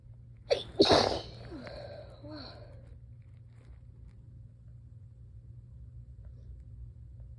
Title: Absolutely exhausted + INTENSE, desperate, teasing sneezes!